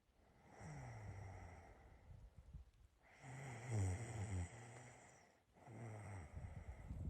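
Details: Adult's own snoring recorded during sleep to share with someone: low rattling snores on each breath in, with quieter breaths out between them.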